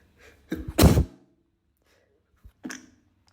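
Muffled, held-back sneezes in a quiet room: a short suppressed burst, then a smaller stifled one. Ordinary sneezes being suppressed.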